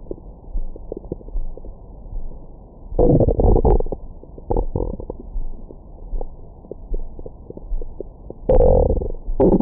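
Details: Stomach growling recorded after a large meal with a Stemoscope stethoscope microphone: low gurgling rumbles with louder bubbling bursts, normal active bowel sounds.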